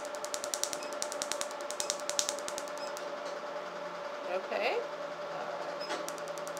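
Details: RevLite SI laser tattoo removal treatment; rapid sharp snapping clicks about three a second over room noise, then a pause; laser pulses firing.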